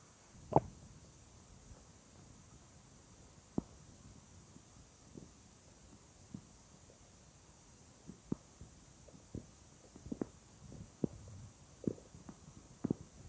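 Faint scattered pops and short gurgles over a quiet hiss, growing more frequent toward the end: soft bowel sounds from normal gut activity.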